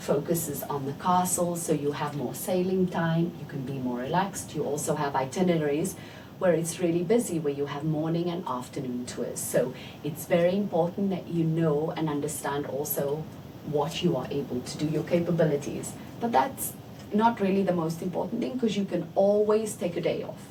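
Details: Adult woman speaking; normal speech.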